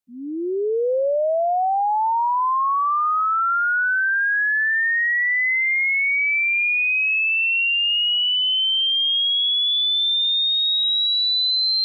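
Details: Hearing self-test tone heard through earphones: a pure steady tone sweeping smoothly upward from low to high pitch over about twelve seconds.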